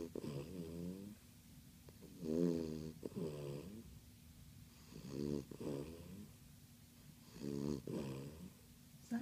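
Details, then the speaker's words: Rhythmic rumbling snores with each breath, about four breaths in a quiet room, from a snorer wearing a thunder shirt. "Snoring no fun."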